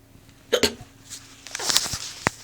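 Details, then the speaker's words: Adult with hiccups while sober and feeling unwell after coming home early from work: a few sharp, sudden gulping catches over quiet room noise, described as sounding like little burps. "but I have the hiccups right now and it's pretty weird CU I haven't had the hiccups in so long"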